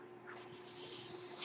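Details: Mechanical ventilator running normally: a steady airy hiss of airflow with a faint constant hum.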